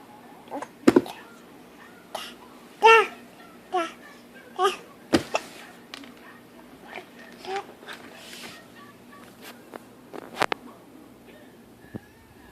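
An infant makes short, abrupt catches of breath, some with a small voiced squeak, typical of hiccups.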